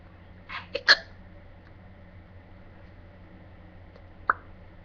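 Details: Hiccups while bored and singing to pass the time: a few abrupt, high, clipped catches spaced seconds apart over a steady background hum; hiccups.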